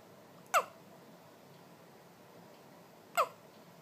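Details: One-day-old newborn baby girl with hiccups: two brief, sharp, soft hiccup sounds about two and a half seconds apart in a quiet room.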